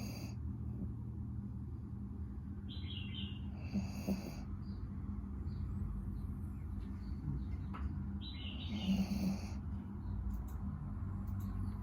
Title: My dog snoring while taking a nap